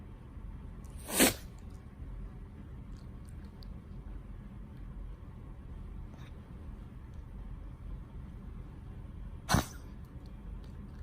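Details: Two short, sharp explosive sneezes or snorts from Lambchop, aged 19, who has tracheal collapse and an esophageal stricture; these sounds are unlike her collapse cough or stricture gagging; chest x-rays fairly normal.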